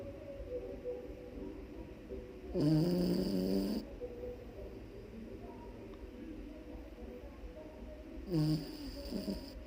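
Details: Sleeping puppy snoring too loudly: two loud, rattling snore bursts with quiet breathing between; ordinary dog snoring.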